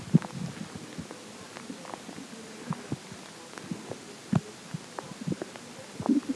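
Scattered low gurgles and short rumbles over a quiet background: stomach growling, ordinary bowel sounds.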